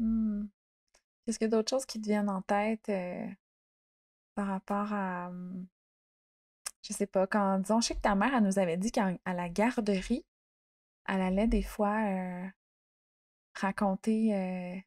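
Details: Adult woman speaking French; fluent speech.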